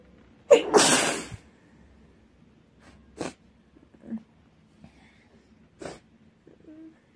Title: messy sneeze